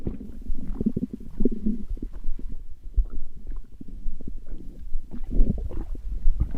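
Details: Continuous low gurgling and rumbling with bubbling pops: stomach growling, ordinary normal bowel sounds (borborygmi).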